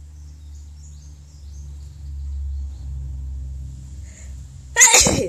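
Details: An adult Filipina woman sneezing: a quiet low hum, then one loud, sudden hissing burst; a single sneeze.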